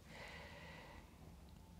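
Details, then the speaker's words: Endoscopic microsuction of deep, impacted ear wax pressed far down the canal, causing hearing problems: a steady hissing rush of suction with a faint whistling tone. "this is actually my patient here deep impacted wax this one really causing the patient some hearing issues just because it's so pressed down into the canal very very deep"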